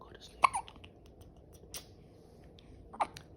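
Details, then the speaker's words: Two-week-old baby girl held by her grandfather, hiccuping for about 10 minutes: two brief, sharp hiccup sounds about two and a half seconds apart in a quiet room; hiccups. "Somebody's got hiccups. Hiccups."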